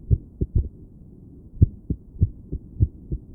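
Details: Woman's own heart heard through a stethoscope while sitting on her bed, felt palpitations: low thumping beats about 100 a minute with uneven spacing; irregular heartbeat.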